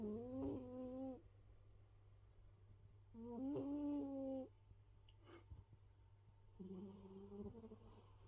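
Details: Big male domestic cat sound asleep, slow drawn-out voiced snores of about a second each over a steady electrical hum; snoring that gets louder.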